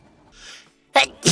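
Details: VTuber sneezing: a faint breathy intake, then a short, high, sharp sneeze burst followed quickly by another.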